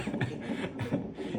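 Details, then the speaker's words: Rapid rhythmic whooshing pulses of the baby's heartbeat from the CTG monitor during labour in a mother's third delivery: fetal heartbeat on CTG. "ഇപ്പ ഇത് ബേബിയുടെ എന്താണ് heart beat ആണ് കേട്ടുകൊണ്ടിരിക്കുന്നത് ഈ സംഭവത്തിന് ഇടി എന്നാണ് സംഭവം സിടിജി ആണ് എടുത്തകൊണ്ടിരിക്കുന്നത് സിടിജിയിലെ ഈ സൗണ്ട് എന്ന് ബേബിയുടെ ഹാർട്ട് ബീറ്റ് ആണ് കേൾക്കുന്നത്"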